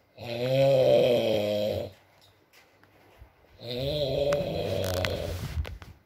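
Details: Adult male (boyfriend) snoring during sleep: two long, loud, buzzing breath sounds separated by a quiet pause, with faint background noise.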